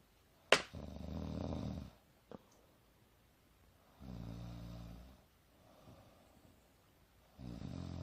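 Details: A mother napping on the couch in a jacket, snoring loud and soft: low, buzzing snores of varying loudness, three within eight seconds, with a sharp knock near the start; ordinary snoring.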